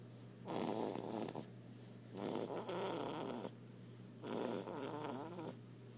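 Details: Infant snoring in sleep: loud, harsh rattling snores at about 35 a minute with a steady low hum behind.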